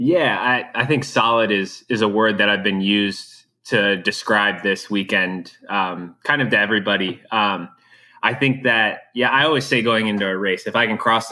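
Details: Adult male speaker; normal speech.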